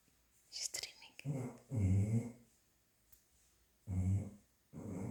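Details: Sleeping, apparently dreaming female dog snoring louder than a man, with deep rumbling breaths about every two to three seconds; loud snoring.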